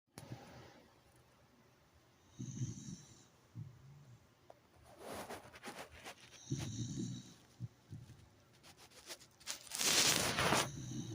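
Low, rough snoring breaths recur every few seconds, with some rustling and a louder hiss near the end; dog snoring.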